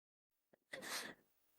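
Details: Cartoon character's sneezing fit: a short in-breath followed by one sharp, hissing burst; a single sneeze.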